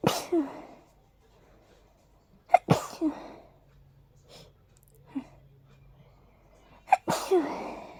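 Three sharp sneezes, each preceded by a brief indrawn breath, in a quiet room; a hayfever sneezing fit from allergic rhinitis.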